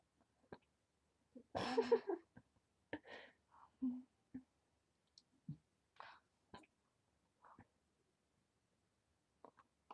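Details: Talking while having hiccups: repeated brief, abrupt catches of breath at irregular intervals, with a few louder voiced bursts.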